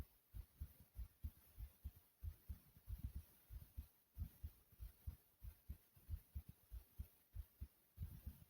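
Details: Pounding, strong thudding heartbeat, somewhat uneven in spacing, with heavy breathing after doing jumping jacks; normal pounding heartbeat after exercise.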